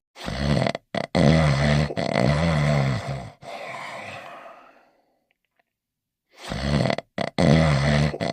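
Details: Loud, rough, rumbling exaggerated comic snores in repeated bursts with brief pauses from cartoon character Barnyard Dawg sleeping in his bed; acted cartoon snoring, not real.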